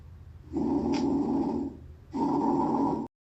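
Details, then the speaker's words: Bronchial breath sounds heard with the stethoscope bell over the trachea, anterior chest: loud, hollow breathing with a clear pause between inspiration and expiration. "Aquí comenzaremos con la oscultación de los ruidos bronquiales, que se escucharán más o menos así."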